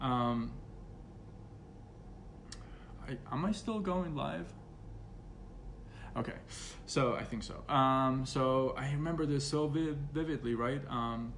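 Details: Stuttering in an adult man who has stuttered since about age six and still stutters, though less after speech therapy.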